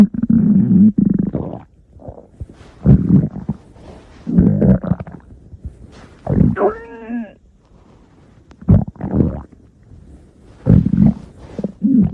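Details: Bursts of low groaning rumbles, one squeaky and creaking, with quiet gaps; stomach growling (borborygmi).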